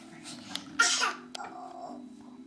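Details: Toddler playfully faking a cough when asked if she has a bad cough: a short, light pretend cough, a voluntary cough rather than an illness cough.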